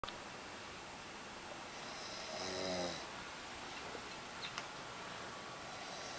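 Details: Woman in deep sleep, open mouth, snoring loudly: a single rough, rattling snore on an in-breath against steady room hiss.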